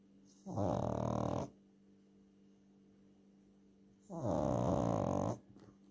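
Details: Loki, a dog, snoring in sleep: two loud, rough, rumbling snores about three seconds apart, with quiet breathing between them.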